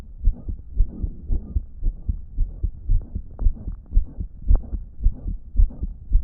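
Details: Own phone recording of a person with a damaged heart on a day it was reportedly not pumping effectively: fast heartbeat near 113 per minute with a loud blowing whoosh filling the gaps between beats, a heart murmur.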